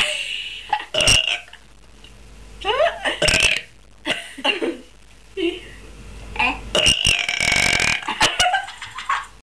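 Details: Girls burping: several loud, drawn-out voiced burps with laughter and talk between them.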